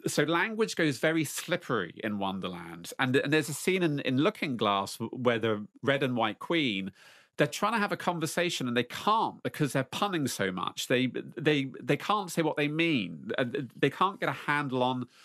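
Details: Lifelong stuttering since age four or five in an adult man, worsening again in his 30s; interiorized stutterer who conceals blocks, speaking in an interview.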